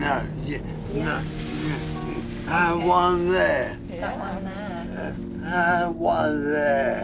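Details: Non-fluent aphasia in a 55-year-old man four months after a devastating stroke, with right-sided weakness, in inpatient rehab; barely able to speak, no fluency, hunting for words; non-fluent aphasia.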